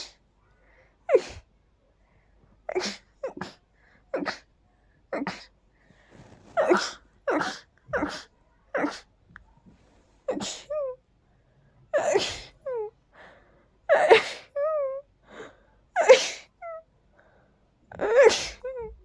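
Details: Dust allergy sneezing: about ten quick sneezes in a row, the later ones ending in a high squeaky note; repeated sneezing.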